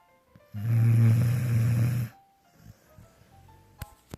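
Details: Dog snoring loud enough at 1 am to wake the owner: one loud, deep, rattling snore lasting about a second and a half, then quiet with faint room sounds and clicks.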